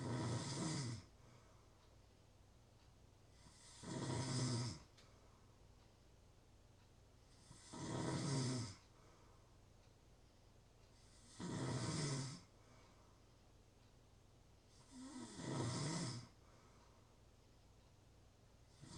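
Rhythmic rough snores on each breath in, about 16 a minute, with quiet pauses between. Steady snoring in sleep.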